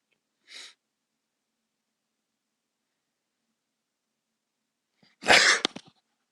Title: Few induced sneezes to start the new year!